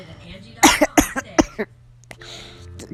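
An adult woman coughs about six times in a quick burst after something goes down the wrong way.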